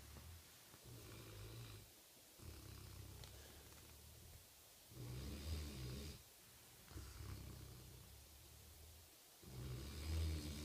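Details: Loud snoring during sleep: low, rumbling snores in irregular cycles, about 13 breaths a minute, over faint room hiss.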